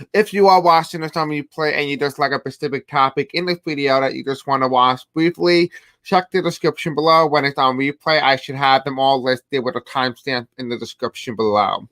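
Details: Deaf speech (deaf accent) in a man who says he has a deaf accent and may have a hard time pronouncing certain words; deaf speech (deaf accent)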